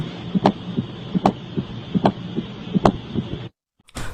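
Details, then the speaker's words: Atrial gallop (S4), heard only with heart disease: regular heartbeat near 75 a minute with an extra soft sound just before each first heart sound, on stethoscope. "उसके बाद आता है दोस्तों atrial गैलेप sound कुछ इस तरह का होता है।"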